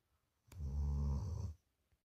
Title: snoring Dory the big cuddle monster